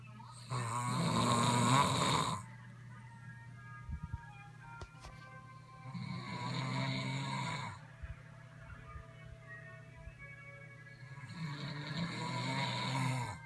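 Three loud, rough snores about 11 a minute, each a long vibrating inward breath, with quiet hum between.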